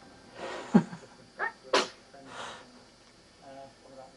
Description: our little boy trying to sneeze!! He misses 2 sneezes but manages to get a couple out!!